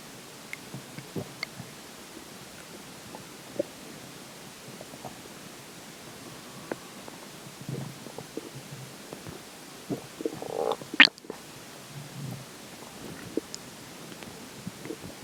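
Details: Stomach growls after drinking water: soft scattered gurgles and brief low growls over a hissy background; stomach growling (borborygmi).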